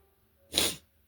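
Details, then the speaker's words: Adult sneezing repeatedly on waking, attributing it to bad allergies that day; one sharp, hissing sneeze preceded by quiet room noise, with a tickling nose. "I woke up so sneeze sneezy this morning."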